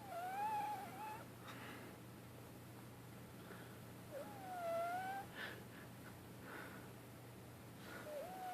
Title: Ragdoll kitten snoring / sleep talking loudly